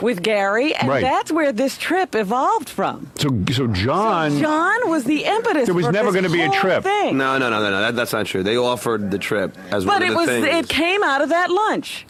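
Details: Adult speakers in radio studio conversation; ordinary conversational speech.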